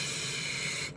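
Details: Straw technique for eliciting /s/ with a lateral lisp, where air escapes out the sides of the mouth instead of into the straw, so no high-frequency sound comes from the straw; lateral lisp.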